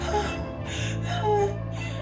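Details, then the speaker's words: Imitated asthmatic wheeze: wheezy, strained breaths over background music, mimicking narrowed airways during an asthma attack with cough and fast breathing. "And usually, they develop a lot of cough with fast breathing, and sometimes they can make a wheezing sound that sounds something like"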